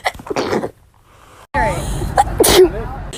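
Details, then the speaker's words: A short breathy lead-in and pause, then a sudden loud burst of air with a voiced cry: a single ordinary sneeze. "I'm gonna try to sneeze with my eyes open. Okay, that was weird, and I kind of want to do it again. Sorry, I sneezed a little there."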